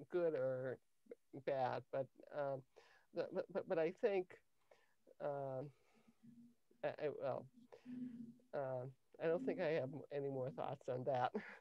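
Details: Adult woman with lifelong cluttering beginning in early childhood, diagnosed at age 10 with a language-area speech problem that her speech therapist later identified as cluttering; difficulty organizing thoughts and formulating answers; cluttering.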